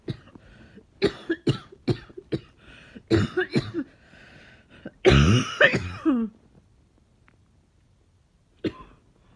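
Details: A run of harsh, forceful coughs with a deep, rough, barking and chesty quality, including one longer voiced cough; a barking, chesty cough.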